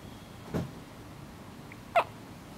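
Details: Hiccups recorded on a day labelled Day 5: two abrupt hiccups about a second and a half apart in a quiet room.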